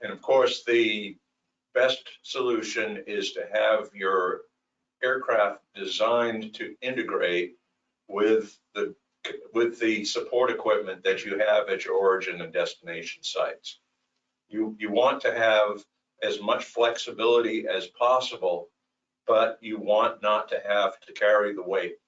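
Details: Adult male speaker; ordinary speech.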